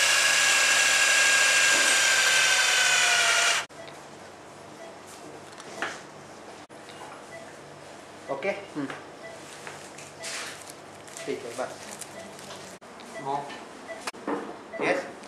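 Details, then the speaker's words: Steady high-pitched surgical power-drill whine boring through the opposite femoral cortex during distal locking of a proximal femoral nail for subtrochanteric femur fracture, patient in lateral position on a simple table, Steinmann pin centred under C-arm; then quiet. "Now once the Steenman pin is centered over the hole, I am drilling the opposite"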